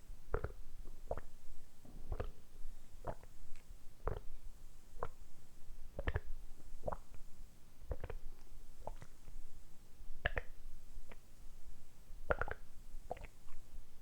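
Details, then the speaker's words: Deliberately produced stomach rumbling recorded for ASMR: repeated short, low gurgles about every second against a quiet hiss; borborygmi. "今日は単純にお腹を鳴らすだけの動画をお届けしたいと思います。だいたい10分ぐらいずっとお腹を鳴らし続けたいと思いますので、その時のお腹の音をお楽しみください。"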